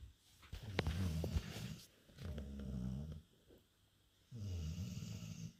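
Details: Dog named Oscar snoring while asleep: low rattling snores on each breath, about three snoring breaths over several seconds, in a quiet room.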